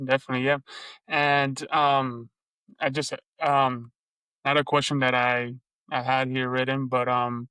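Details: Adult Lebanese woman who stutters and speaks three languages; stuttering.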